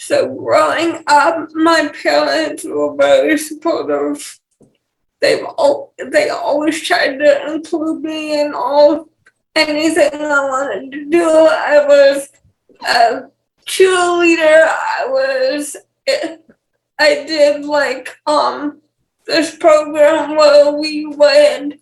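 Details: 28-year-old woman with cerebral palsy and speech issues; mild dysarthria with cerebral palsy.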